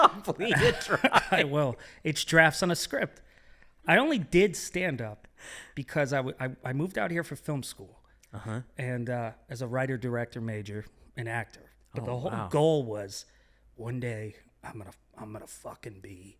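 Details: Adult man speaking; normal conversational speech.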